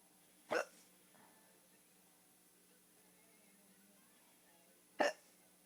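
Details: A person described as drunk has hiccups: two short, abrupt hiccup sounds about four seconds apart over a quiet hum of room noise.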